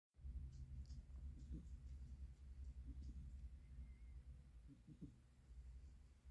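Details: Kitten snoring very faintly, soft low rumbling breaths under a steady background hum; sound must be turned up.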